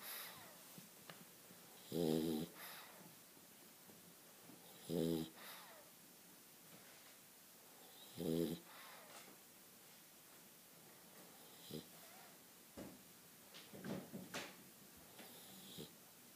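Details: Dog that seems sound asleep but not quite: three buzzing snores about three seconds apart, then quieter snuffles and breaths.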